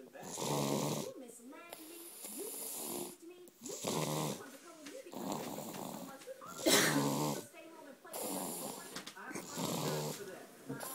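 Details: Little boy snoring loudly in his sleep.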